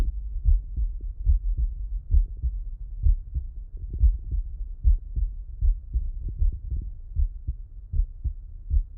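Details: Heart auscultation with the person lying on the left side; normal heart sounds.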